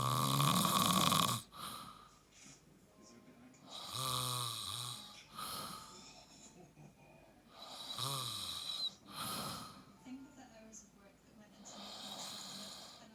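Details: An adult snores while asleep: loud, rough, rattling breaths repeat about every four seconds, with quieter gaps between them.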